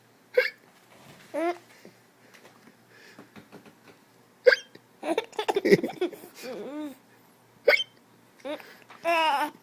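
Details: Adult's ordinary hiccups: sudden sharp gulping hiccups, about four in ten seconds, with a child laughing and babbling in between.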